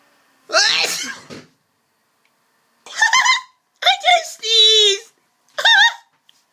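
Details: One explosive ordinary sneeze followed by a few short spoken sounds; the person says afterward that their throat itches.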